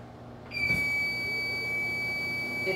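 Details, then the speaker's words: Click, then a steady hum with a high whine as an oxygen concentrator switches on to supply an anesthesia machine, shown hooked up to the machine's flow meter; oxygen concentrator running. "in a few seconds you'll be able to look at your flow meter and when you turn the dial you will have oxygen in your machine and that is how you hook up your oxygen concentrator"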